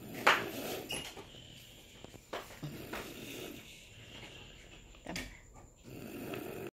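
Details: Recorded in 2019 during sleep: soft, rough breathing noises recur every few seconds in a quiet room; snoring.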